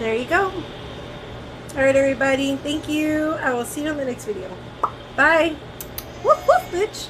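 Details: Adult with tics/Tourette syndrome; speech ends with an interjected vocal tic ('woof'); vocal tic.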